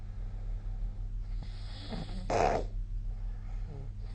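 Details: Snoring during sleep recorded with the SnoreLab snoring app: a single brief snorting snore over a steady low hum of room noise, then quiet breathing.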